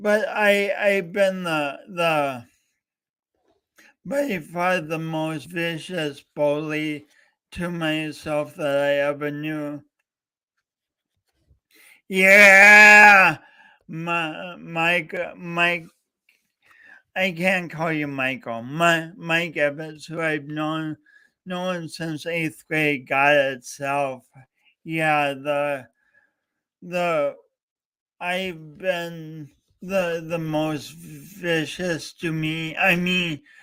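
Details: Real stuttering in a male speaker coached for years, heard during a three-hour live talk-a-thon he set as a challenge for his own voice.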